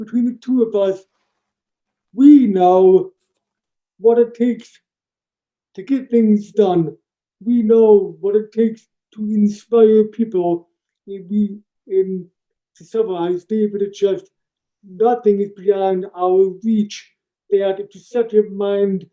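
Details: Adult man born three months premature in 1976, congenital hearing loss found at age two and a half, orally taught to listen and speak, also has ADHD; deaf speech (speech of congenital hearing loss).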